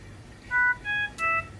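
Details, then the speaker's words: Philips Respironics Trilogy Evo ventilator: three rising electronic alarm tones, the audible alarm with light bar and flash, triggered deliberately by disconnecting the test lung from the circuit; ventilator alarm. "we get an audible alarm and we get the light bar along with the flash here"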